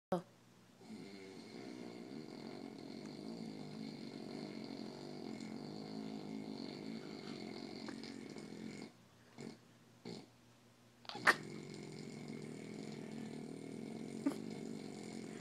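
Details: Adult man snoring: long, steady rattling snore on the in-breath, broken by a short pause before it resumes; loud habitual snoring.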